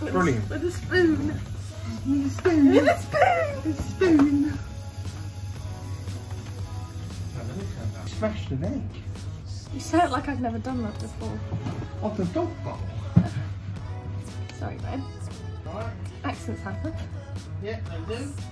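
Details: Woman who says she has Tourette syndrome; repeated phrases here may be vocal tics; vocal tics (Tourette syndrome).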